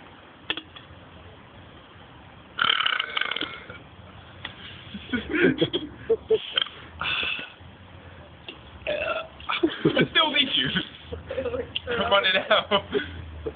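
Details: Deliberate burping contest: several loud, drawn-out voluntary belches among laughter and chatter.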